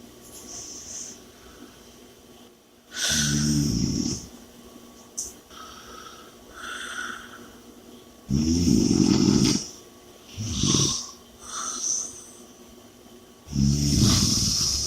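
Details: Loud, rattling snores about every five seconds with softer breaths between, roughly 12 breaths a minute; heavy snoring during sleep.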